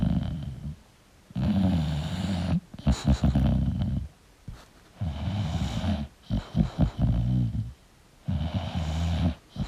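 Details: Loud, rough, fluttering snores on each breath with brief snorts between, about 16 a minute, from a sleeping English bulldog.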